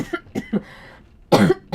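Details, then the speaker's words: Adult commentator coughs after taking a sip and turning away from the microphone; the cough is still audible. "sorry hold on let me take a sip and turn away from the mic CU I have to cough"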